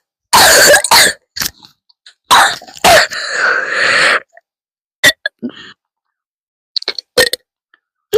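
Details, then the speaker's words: A run of sharp, forceful coughs, then a throat clear and smaller coughs: a hard, dry-sounding coughing fit, the first of the day, in a person considering cough medicine. "Hi guys, it's ASMR but with coughing coughing coughing coughing. First one of the day."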